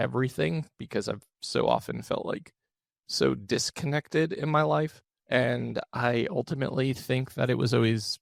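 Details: Adult male with one vocal cord paralysed by open throat surgery for a rare chronic recurring throat condition, after 2021 endoscopic surgery; voice improved, still with vocal fry and tiring daily; unilateral vocal cord paralysis.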